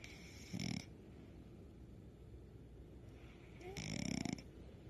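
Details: Sleeping dog snoring: two low rumbling snores a few seconds apart over quiet room noise.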